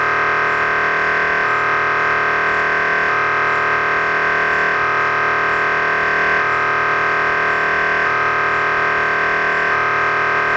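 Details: Loud, steady electronic droning with rapid repeating pulses shifting in pattern every second or two, as an MRI scanner runs a sequence: MRI scanner noise.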